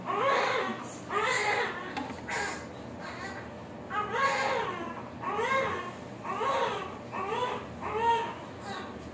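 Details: About seven rhythmic wailing cries with brief breaths between, from a newborn boy in a small room just after normal vaginal delivery at 37 weeks 2 days at a birthing clinic.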